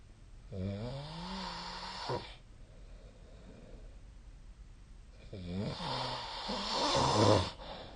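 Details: Two loud, rumbling snores on the in-breath, separated by a quiet out-breath, in a quiet room: ordinary sleep snoring.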